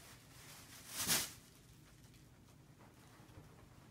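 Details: A single brief, sharp burst of breath noise in a quiet room, followed by "bless you": a sneeze from an 8-month-old baby girl.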